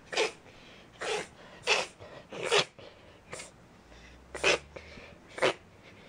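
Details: A Sheltie dog reverse sneezes, making a run of about seven sharp, noisy, rapid forceful snorting inhalations.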